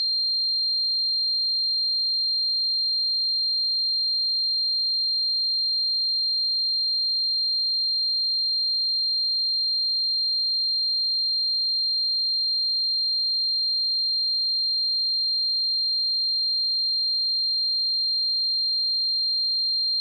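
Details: Sound-effect simulation of tinnitus: a steady, high-pitched pure tone running unchanged throughout.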